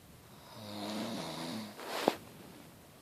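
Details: One drawn-out, droning snore on the in-breath followed by a short noisy puff of air out; snoring, possibly with a fart.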